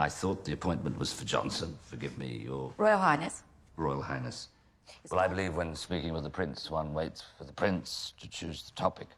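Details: Adult male actor; no disorder.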